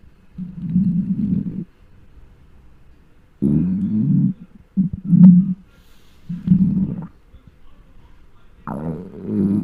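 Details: Hunger stomach noises recorded with a microphone from a very large person: four or five loud, low, rumbling gurgles with quiet gaps between them; normal borborygmi of an empty stomach.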